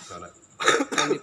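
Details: A man coughing while vaping: a short, harsh double cough after a quiet breath, throat irritation from inhaling hot vape vapor.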